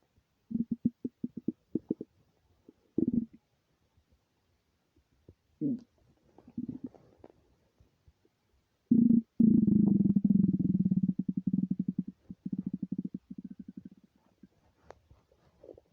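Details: Empty stomach rumbling, recorded without a microphone: low gurgling bursts, then a long rolling rumble.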